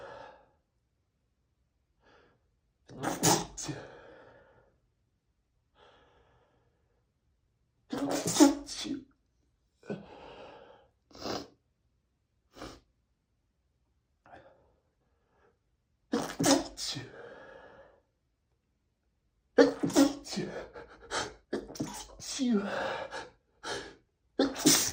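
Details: Adult man trying to stifle a rapid sneezing fit, sneezing repeatedly in quick succession, some sneezes muffled as he holds them in, letting a few out so they would stop.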